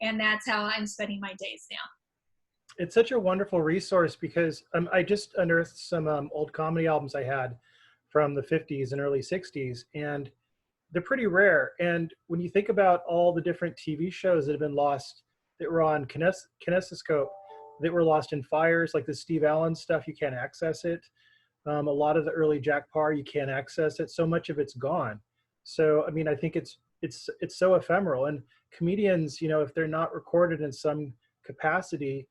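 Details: Adult speaker; typical speech.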